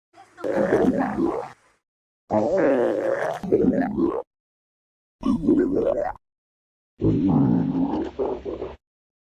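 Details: Four separate bursts of rumbling, gurgling, slightly squealing sound from the belly: ordinary stomach growling.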